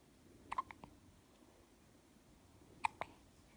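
Quiet room with several short, sharp gulping clicks in two small clusters, fitting hiccups.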